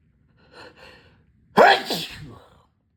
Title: loud wet sneezes